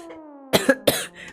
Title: Girl coughing 67